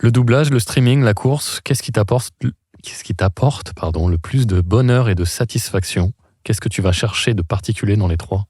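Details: Adult male speaker; normal speech.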